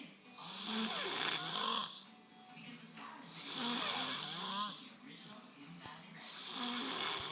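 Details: Loud rattling snores about 21 per minute with quieter breathing between, from a person asleep on a couch; ordinary sleep snoring.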